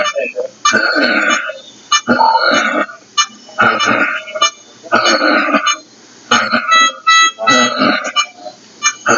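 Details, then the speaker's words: Patient with oxygen saturation below 90, variable heart rate, making repeated short voiced groans with each rapid breath out between quiet pauses: expiratory grunting. "entonces el kg o respiratorio habla de estadios avanzados de enfermedades respiratorias"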